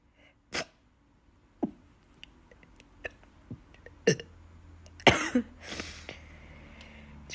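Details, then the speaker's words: Hiccuping and trying to sneeze at the same time, hurting the stomach; a hiccup cuts off the sneeze. Short, abrupt throat catches at irregular intervals with sneeze-like bursts in a quiet room: hiccups with sneezing. "It's really hard to have them together, like sneeze and hiccup."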